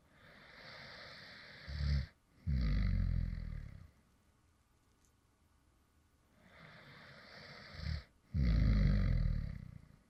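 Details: Light snoring from someone who fell asleep while recording: a soft inhalation ending in a snort, then a deep rumbling snore, repeating about every six seconds (roughly 10 breaths a minute).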